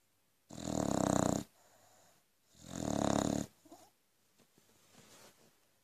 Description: Frankie the Aussie Bulldog doesn't stop snoring even if woken up! Too funny!